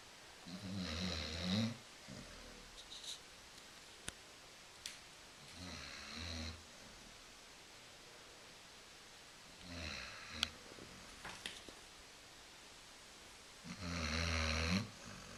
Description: Coco, our beloved and lazy Basset hound is catching some shut eye on the couch, snoring her head off.